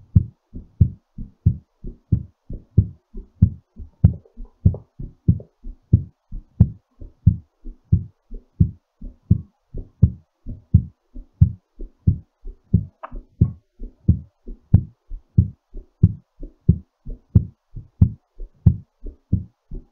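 Regular paired lub-dub beats, about 90 a minute, clear with no extra sounds. Normal heartbeat, mildly quick while recovering from exercise.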